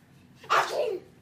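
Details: A single short, forceful sneeze-like burst from a young child, made on request as a deliberate fake sneeze rather than a reflex; imitated sneeze.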